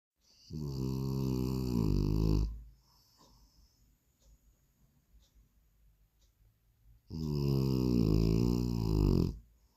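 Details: Snoring in a sleeping French Bulldog: two long, loud, buzzing snores on the in-breath with quiet gaps between, typical of a flat-faced dog's noisy airway.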